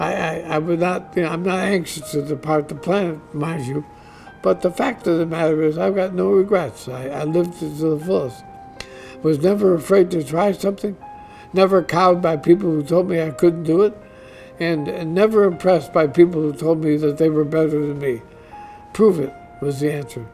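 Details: Adult man diagnosed with ALS (Lou Gehrig's disease), which he says is affecting his voice; he expects only a few more months of being able to work; dysarthria (amyotrophic lateral sclerosis).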